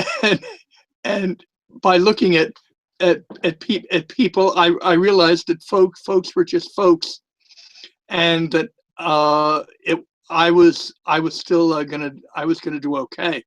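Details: Adult man who stutters from time to time and also lisps; stuttering.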